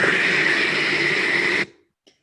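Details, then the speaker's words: Recording made at night by a patient unable to sleep in intensive care (CTI) on high-flow oxygen therapy, likely COVID pandemic: loud, steady rushing turbine-like hiss that cuts off abruptly. "sonido que sintieron rest eso es el sonido del oxígeno de lo que se llama oxígeno alto flujo"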